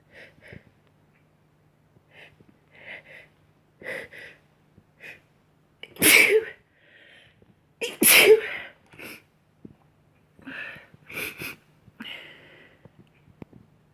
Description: Just some sneezing.... 😉